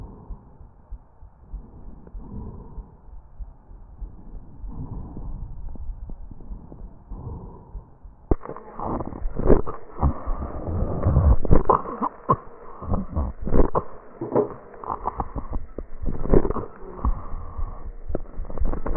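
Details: Real patient recorded with an electronic stethoscope over the trachea: tracheal crackles and rhonchi with cough.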